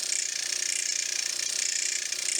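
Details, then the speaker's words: Derminator 2 microneedling pen held flush against the forehead skin and moved in circular motions to treat acne scarring: a steady, high-pitched mechanical buzzing and rattle. "So you want to make sure that it is flush with your skin, and you go in circular motions."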